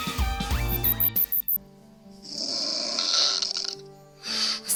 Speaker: une mélodie bien particulière qui concerne 4 adultes sur 10 et un enfant sur 10 le ronflement